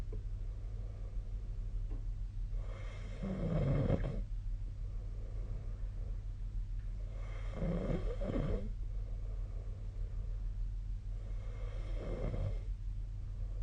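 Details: Snoring during sleep, recorded 2025/02/02: three loud, rattling snores on inhaling, about every 4 to 5 seconds, over a steady low room hum.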